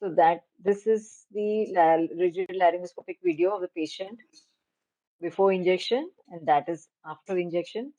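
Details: Adult woman speaking; Normal voice.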